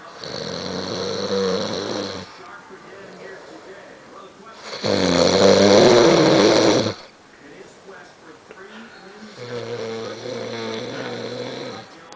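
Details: Loud, rough snores during sleep with long buzzing breaths of about two seconds each, the middle one loudest; heavy snoring.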